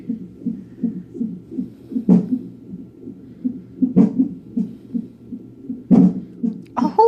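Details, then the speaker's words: Fetal heartbeat at 34 weeks of pregnancy on a monitor: rapid, even whooshing at roughly 160 a minute, interrupted by three sharp thumps about two seconds apart, fetal hiccups in a baby girl. "she has the hiccups trying to catch movement"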